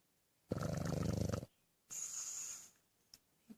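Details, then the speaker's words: Sleeping dog snoring: one long, fluttering, rattling snore on the in-breath, then softer whistling out-breath. "Hey, wake up, buddy. Hi. You were snoring."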